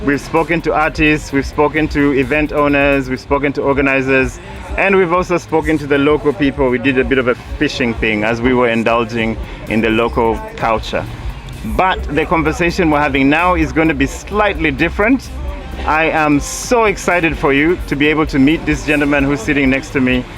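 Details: Adult speaker; normal voice.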